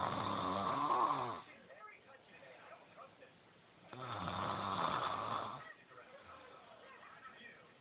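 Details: Snoring in a sleeping person: two loud, rough snores about four seconds apart, with quiet breathing between them.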